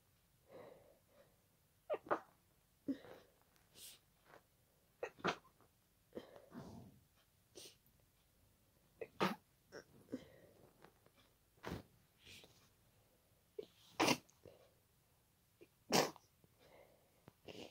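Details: Night-time attack of repeated wet sneezes with short breaths between, in a person with a congested nose, watery eyes and nasal tickling attributed to pollen.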